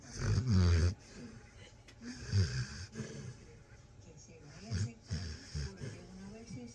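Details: Sleeping dog, reportedly having an intense dream, with low, rumbling, irregular snores and soft snorting between breaths; ordinary snoring.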